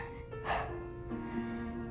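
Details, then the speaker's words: A 13-year-old boy with Tourette syndrome, speaking publicly, makes a brief, sudden sniff-like or gasping noise over background music, a simple vocal tic he identifies as a tic. "the things that i do are called ticks ticks can come new ticks can come at any time anywhere that's an example of a tick right now actually um"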